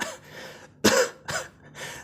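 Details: Three harsh, throaty coughs in quick succession, acted for comedy by a man with a cold, hoarseness and headache; cough.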